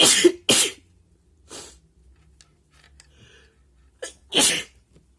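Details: Two quick sneezes, then a smaller one and two more after a pause: hay fever sneezes induced by tickling an itchy, sensitive nose with paper.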